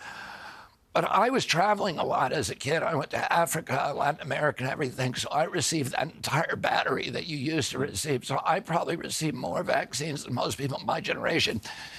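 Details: Adult man, spasmodic dystonia, a neurological disorder, onset at 42 after a 1996 injury; nerve signals tighten strong vocal cords constantly; Kyoto surgery about eight months earlier made voice more reliable; now doing alternative therapies; says voice strengthens with use.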